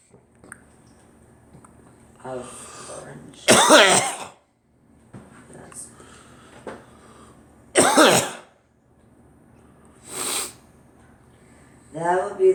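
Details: Three loud, harsh cough bursts spaced several seconds apart, with throat clearing and a brief voice at the end in a quiet room.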